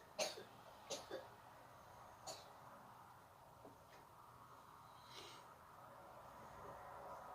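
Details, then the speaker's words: Daughter, sick at home since the weekend, coughing a few times in the background: short sharp bursts in a quiet room. "I don't know if you can hear my daughter coughing away in the background, but we have been stuck in the house all sick since the weekend."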